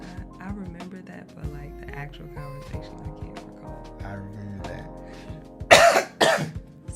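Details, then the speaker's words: Coughing from adults who are ill ("under the weather") during a podcast conversation. "We are both under the weather right now as you can hear coughing and whatnot."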